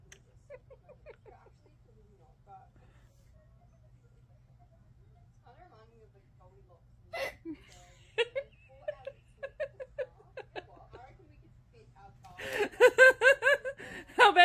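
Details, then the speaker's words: Person with hiccups, whole body jerking with each one: quiet room, then a run of short, abrupt voiced catches at an irregular pace, followed by laughter. "You got the hiccups."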